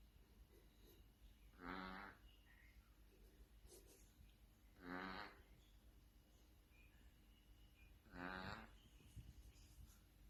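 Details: Cat snoring: soft, buzzing snores repeating steadily at about 18 breaths a minute over a low hum.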